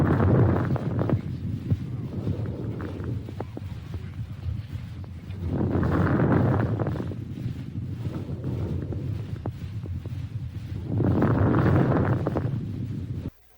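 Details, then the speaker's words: Fine crackles, discontinuous adventitious lung sounds, heard through a stethoscope in a respiratory exam demonstration: brief, fine crackling pops scattered through the breathing cycles. "show de bola agora vamos para os descontínuos Coloca aí uma creptação"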